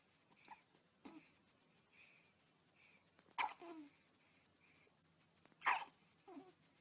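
A few brief, sharp, soft catches from a newborn in a quiet room, spaced several seconds apart: infant hiccups.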